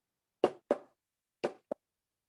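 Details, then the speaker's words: Normal heart sounds: two quick lub-dub pairs at about 60 a minute, explained as the sound of heart valves closing rather than the heart muscle contracting. "what you're actually hearing is not the heart contracting. You're actually hearing valves closing."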